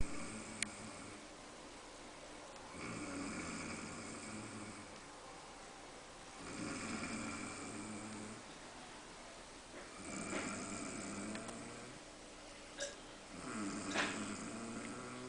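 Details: Mother snoring while napping with her son: repeated rumbling snores at about 17 per minute in a quiet room, with a few clicks and snorts between breaths.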